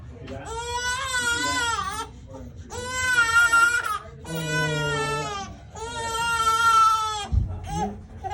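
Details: Four loud, sustained infant wails with steady pitch, separated by brief breaths, then a short catch of breath, as the baby has a first chiropractic adjustment; infant cry.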